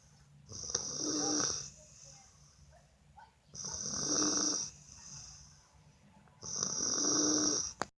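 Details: Someone snoring in a hotel: rhythmic snores with a hissing, whistling edge, about 20 a minute, separated by quiet exhalations; ordinary snoring.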